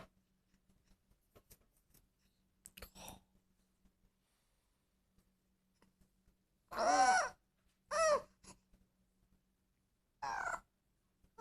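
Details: A 2-month-old girl in the middle of passing stool: quiet stretches broken by three short, strained, moaning grunts with catchy, gaspy breaths; infant grunting while straining.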